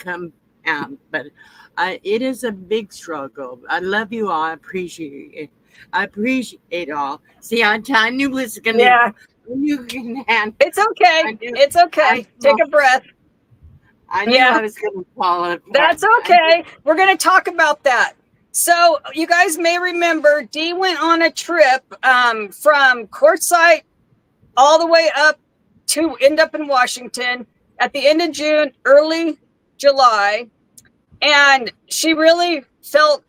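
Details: Adult woman with aphasia after her second stroke, real; no facial or limb paralysis, loss of speech and cognitive effects; speech remains impaired with repetitions and word-finding difficulty; aphasia after stroke.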